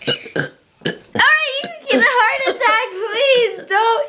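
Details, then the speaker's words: Likely a child (cousin) burping on purpose: short bursts followed by long, wavering voiced belches. "And my cousin is going to be burping randomly, alright?"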